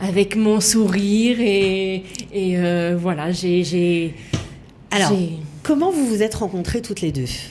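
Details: Adult woman speaking French; normal speech.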